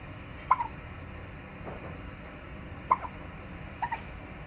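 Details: Infant twins alternating hiccups: three short, sharp gulping hiccup sounds with quiet, steady room hiss between them; infant hiccups.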